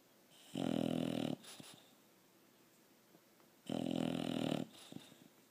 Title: Sophie the bulldog snoring